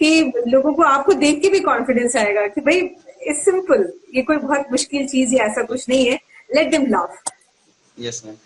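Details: Adult woman speaking Hindi; typical speech.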